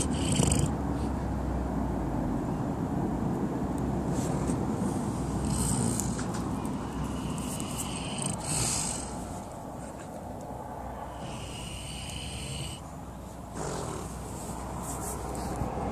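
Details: Sleeping Kune Kune pig: continuous low, rumbling snore with some outdoor background noise; snoring.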